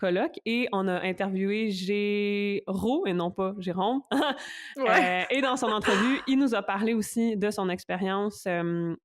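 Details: Adult woman who stutters; stuttering.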